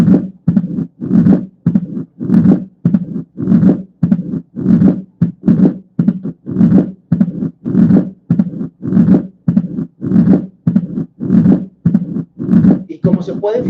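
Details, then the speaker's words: Mitral stenosis: low-pitched heart sounds with low-intensity rumbling diastolic murmur, presystolic accentuation building into a loud S1, a silent pause, then split second sound. "se escucha primero un sonido que incrementa que es el reforzamiento presistólico un s1 fuerte después una pequeña pausa en la que no se escucha nada y después ya el desdoblamiento del segundo ruido"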